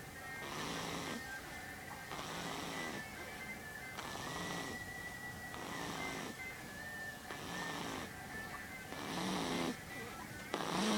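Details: Two-week-old snoring: repeated rasping breath noises roughly every 1.5 to 2 seconds, steady tone, music in background; snoring.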